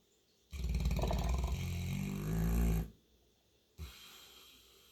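Loud, deep, rattling snore on a long inward breath, then a quieter breath out; heavy snoring.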